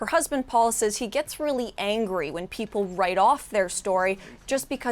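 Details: Adult female speaker; normal speech.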